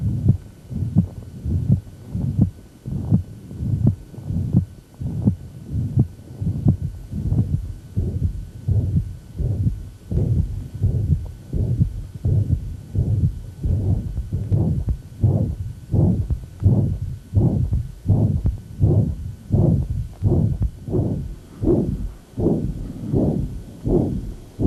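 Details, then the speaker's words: Severe mitral regurgitation: regular heartbeat about 83/min, harsh murmur filling systole, then a low groaning diastolic inflow rumble from large regurgitant volume returning across the mitral valve. "that's an inflow rumble so much blood has gone back into his left atrium that a lot of it's going to come back down"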